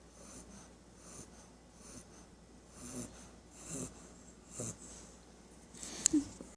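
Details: Three-month-old female English Bulldog puppy snoring at nap time: soft, regular wheezy snorts on each breath, about ten a minute.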